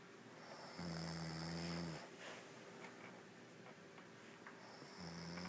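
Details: Woman, exhausted after a long day, snoring while out cold: loud, low buzzing snores on the in-breath about four seconds apart, with quiet gaps between.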